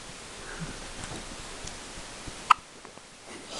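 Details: A daughter's single soft, sharp hiccup in a quiet room while a parent encourages more: hiccup.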